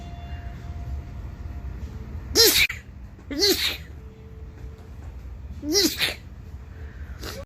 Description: Allergy season is here!! Sneezing like crazy!